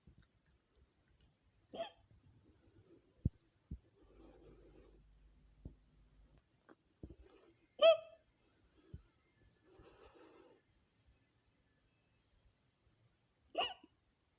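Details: Woman's hiccups compiled from several recordings: three sharp, abrupt voiced gulps spaced several seconds apart, with faint room noise between.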